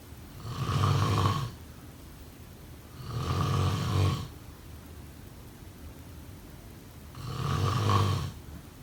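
Three low, rattling snores on the in-breath, roughly every three seconds, with quiet breathing between them; ordinary rhythmic snoring.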